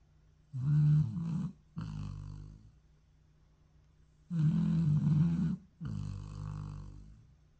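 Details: Dog sleeping during an afternoon siesta: deep, buzzing snores on both breath in and breath out, about 16 a minute; snoring.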